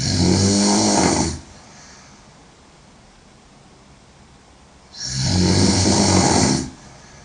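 Two long, loud, rattling snores on the in-breath, about four seconds apart, with quiet room noise between; heavy snoring.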